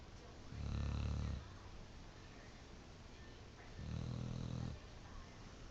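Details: Pit bull, Lexie, napping: two long, low, rumbling snores about three seconds apart, with quiet breathing between; a sleeping dog snoring.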